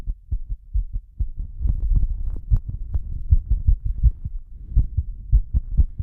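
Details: Pounding heartbeat during a breath-hold, with heavy breathing: strong, deep, forceful thumps at about 100 beats a minute, with heavy breathing noise mixed in.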